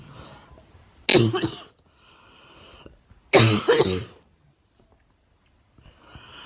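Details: Girl coughing, mentions homegrown tobacco and that it hurts, saying she has something in there: two harsh, forceful cough bursts a couple of seconds apart with quiet breathing between.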